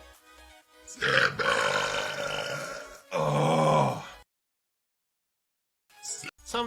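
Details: Burp compilation from a live stream: two long, deep, rumbling belches over background music; loud burping.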